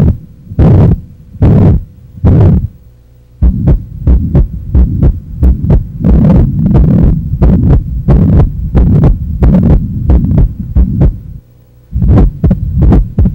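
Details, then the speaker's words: Heart murmur demonstrated as a sound of a main cardiac valve lesion: heartbeats about 90 a minute with a rushing sound between beats. "vamos ouvir agora os seus correspondentes as principais lesões das valvas cardíacas"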